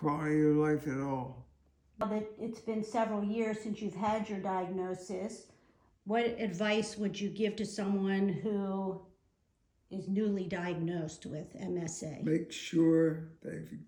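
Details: Adult woman speaking; Normal speech.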